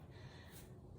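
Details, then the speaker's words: Dog napping behind the speaker during a yoga class; soft, low, fluttering snort in a quiet room: ordinary snoring. "if you can hear snoring that's my dog he's taking a nap right behind me"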